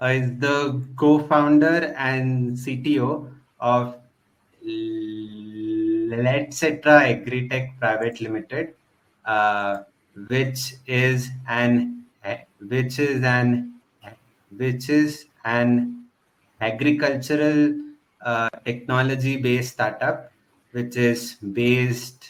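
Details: Real, self-identified stuttering in a male podcast host who stutters and belongs to a stammering association; finding: stuttering.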